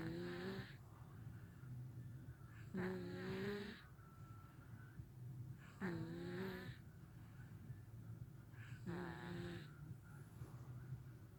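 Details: Snoring in a sleeping 1-year-old boy who co-sleeps with his parents: soft, regular snores on each breath, about 20 a minute, over quiet room hum.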